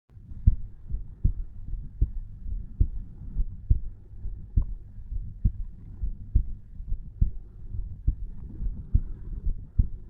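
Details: 34-year-old male at rest, lying in bed at night, heart recorded over the tricuspid valve: steady, regular lub-dub at about 60–70 beats per minute with low background hum; normal resting heart sounds.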